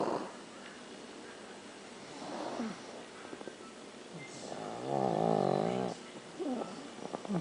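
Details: Soft rattling breaths during sleep, with one longer vibrating snore, irregular, over a quiet room background; snoring.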